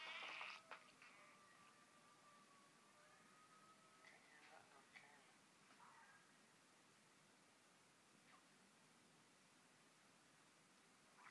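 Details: Dog that was not feeling well: loud stomach growling; borborygmi.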